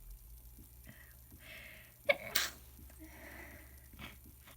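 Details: Wet, forceful sneeze from a sick person, with breathy inhalations before and after in a quiet room; sneeze.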